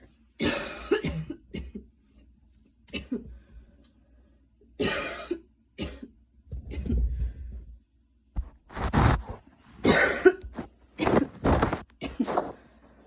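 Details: Mild cough after a roughly 10-minute very fast run in light rain: repeated short, dry coughs in loose clusters with heavy breaths between.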